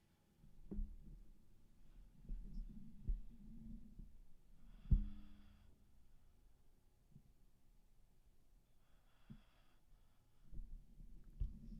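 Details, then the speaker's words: Low, rumbling snores from a sleepy dog, with soft breathy sounds between them in a quiet room: dog snoring. "baby snoozles he's so sleepy"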